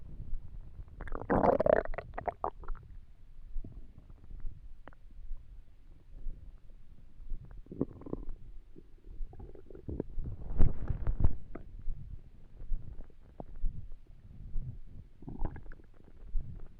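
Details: Borborygmi while trying to sleep with an empty stomach: low gurgling and rumbling hunger sounds recurring irregularly.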